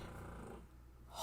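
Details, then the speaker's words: French bulldog snoring under a desk indoors: low, fluttering, rumbling breath noise that fades toward the end. "let's address that noise you just heard that is a French bulldog snoring there are three under my desk right now"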